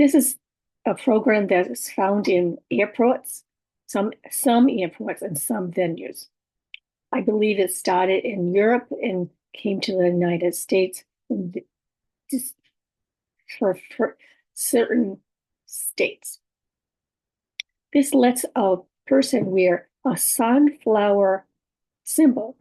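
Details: Adult woman with aphasia, apraxia of speech and dysarthria, communication challenges for about six years, speech sometimes hard to understand; aphasia with apraxia of speech and dysarthria.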